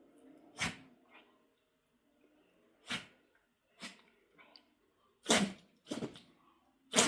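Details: Dog, Coco, sneezing repeatedly, a bout the owner calls a bad one and new: about six short, sharp nasal bursts over several seconds.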